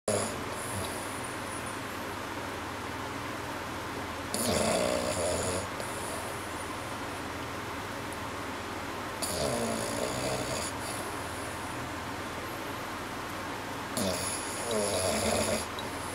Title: французский бульдог храпит во сне french bulldog snoring in a dream